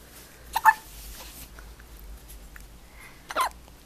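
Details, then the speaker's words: A 1-month-old baby boy with hiccups: two short, sharp hiccups about three seconds apart in a quiet room. "Somebody's got the hiccups. Huh? Oh. Got the hiccups?"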